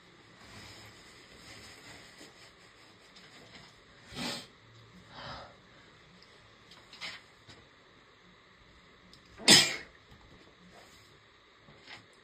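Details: Adult woman (a mother) sneezing: a run of about five short, soft sneezes, the last strongest, in a quiet room.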